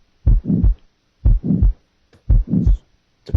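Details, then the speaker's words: Simulated heart beating 60 times per minute with a mid-systolic murmur added in the systolic period. "listen now to a heart beating 60 times per minute then a murmur will be added in the systolic period early mid late and pan"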